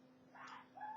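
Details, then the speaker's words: Single distant sneeze from the speaker's beau-père, described as very loud: a brief hissing burst followed by a short voiced tail, over quiet room noise. "Et je sais pas si vous avez entendu, c'est mon beau-père qui éternue, c'est très fort."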